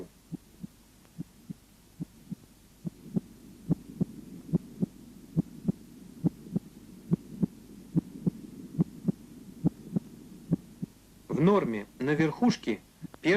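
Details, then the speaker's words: Normal heart sounds at the cardiac apex, S1 louder than S2; first sound from atrioventricular valve closure, ventricular muscle tension and aortic/pulmonary wall vibration at onset of ventricular systole. "тон громче 2 1 систолический тон состоит из нескольких компонентов клапанного мышечного и сосудистого он образуется в результате захлопывания atrovent регулярных клапанов напряжении мышцы желудочков и вибрации стенок аорты и легочной артерии в начале систолы желудочков"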